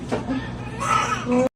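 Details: Brief, strained newborn wails right after a real hospital normal vaginal delivery, with staff voices in the room.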